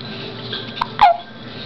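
Two quick, sharp gulping catches a fraction of a second apart over room noise, consistent with hiccups.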